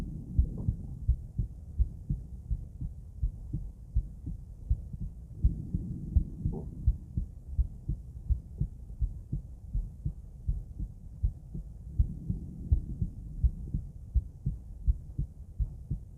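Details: Female heart auscultated with different stethoscopes at Erb's point, then mitral, tricuspid, aortic and pulmonic sites: steady, regular lub-dub heartbeat at roughly 80 per minute with faint rubbing noise; normal heart sounds.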